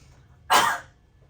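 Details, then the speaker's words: One sharp, forceful single voluntary cough of about a third of a second into a face mask pressed tight to the face, after a big breath in, during cough strength testing, peak reading around 300; voluntary cough. "so for this one you're going to take a big breath in and then cough hard once"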